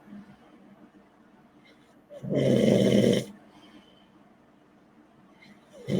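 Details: Man snoring, heard during a live online show: one loud, harsh, rattling snore lasting about a second, with quiet breathing around it and another snore starting at the end.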